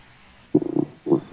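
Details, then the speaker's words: An adult's stomach picked up by a large parabolic microphone in the quiet outback at night: quiet, ordinary bowel sounds, then two short gurgling rumbles (borborygmi). "sound is my stomach it's not a night parrot"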